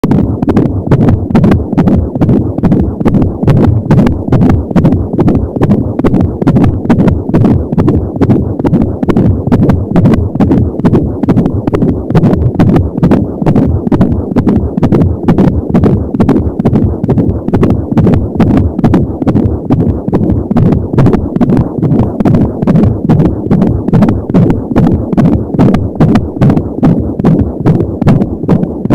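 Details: Fetal heartbeat at 28 weeks of pregnancy, heard with an Angel Sound home Doppler: rapid, regular galloping whoosh-thump at about 170 beats a minute, with whooshing umbilical cord sounds.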